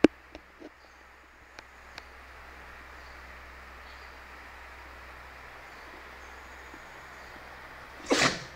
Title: sneezing